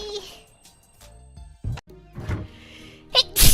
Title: 配信中のくしゃみ7 #shorts #くしゃみ #sneeze